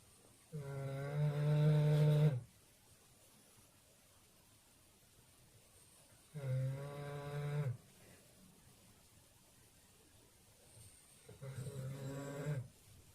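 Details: Snoring in a sleeping female Doberman: three long, loud, low buzzing snores on the in-breath, about five seconds apart, with quiet pauses between.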